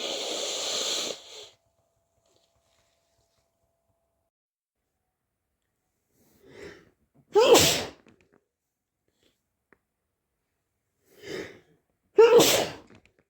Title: cold sneezes and blows part II